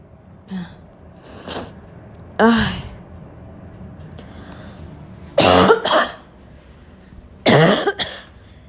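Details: Recurring intense barking cough: several loud, harsh cough bursts, some in pairs, with a hoarse, toned, barking quality between quieter throat sounds.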